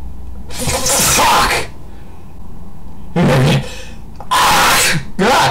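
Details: Adult deliberately inhales ground black pepper as a sneezing challenge, then gives three loud, explosive sneezes in quick succession in a small room; the camera mic distorts; sneezing.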